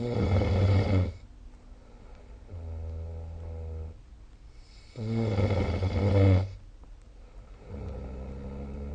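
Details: Snoring during sleep, recorded with the SnoreLab app.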